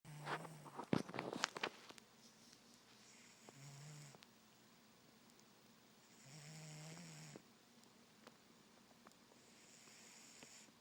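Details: Pet cat asleep: quiet, low snoring breaths with a buzzing rattle a few seconds apart, after some handling noise at the start; snoring.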